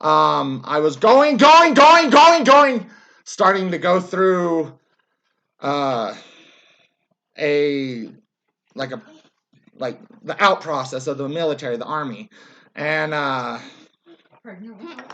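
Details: Vocal tics with word repetition in an adult man with Tourette syndrome that began around 2010 after he left the military and worsens with stress; he also yells and jerks.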